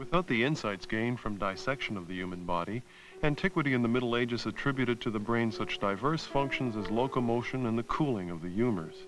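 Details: Adult male narrator; normal speech.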